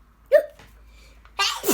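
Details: Child sneezing during a game to see who can sneeze first: one brief voiced burst, then a rushing noisy burst, in a playful room setting.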